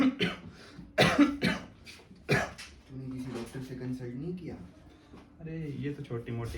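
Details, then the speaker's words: Acted cough by a 24-year-old college student character in a tuberculosis awareness sketch: three to four harsh coughs, then talk in a small room; coughing since morning, dismissed as minor. "फिर एक दिन एक simple सी खांसी शुरू होती है। शायद आप भी इग्नोर कर देते जैसे रलित ने किया।"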